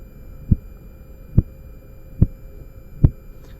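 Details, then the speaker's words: Korotkoff sounds heard by stethoscope during manual BP measurement with an aneroid sphygmomanometer (auscultatory method): regular low thumps at about 71/min over a faint hum, beginning as the cuff deflates slowly (~2 degrees/second); first sound marks systolic pressure. "जब needle zero की तरफ ए रही होगी तो एक time आएगा जब आपको पल्स की आवाज है ना शुरू हो जाएगी"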